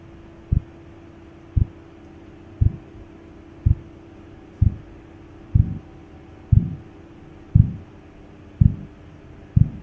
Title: Korotkoff Sounds Testing❤️🌹